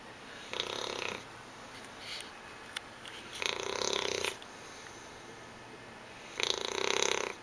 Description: Our English Bulldog "Hungry" sleeping on the couch and snoring, with her tongue hanging out.